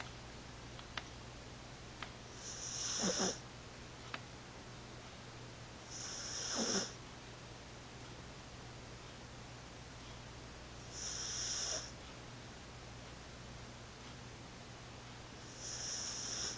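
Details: Cat snoring: soft, hissy breaths recurring every four to five seconds over low room hum.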